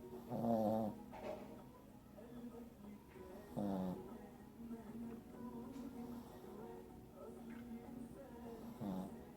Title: Diamond Snoring So Adorable!!